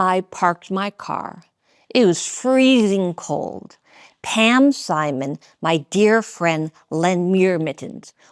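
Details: Adult woman, a former congresswoman, with aphasia after being shot in 2011, relearning to talk and working with a speech-language pathologist; aphasia.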